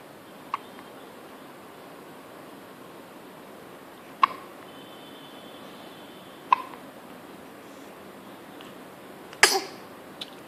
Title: - hiccups